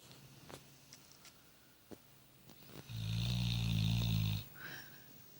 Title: Riddick... Asleep & Snoring